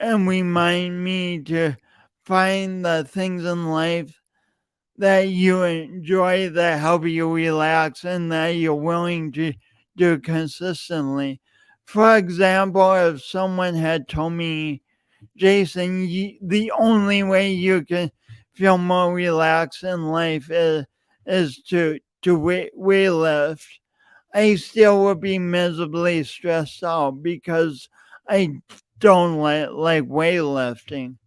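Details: Adult man with a self-reported speech impediment, present for years and audible whenever he speaks; speech impediment with word and part-word repetitions.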